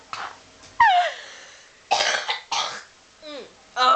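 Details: A coughing fit of about five harsh, wet-sounding coughs with squeaky whines between them, bringing something up; a productive cough.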